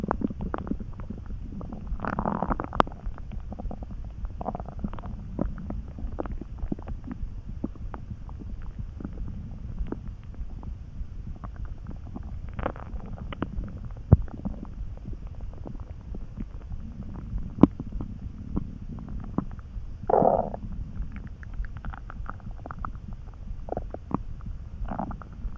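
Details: Low, soft gurgling and churning with brief squeaky rumbles from an empty stomach, recorded while lying in bed resting, drowsy and dozing, hungry after only a lunch: borborygmi (stomach rumbling).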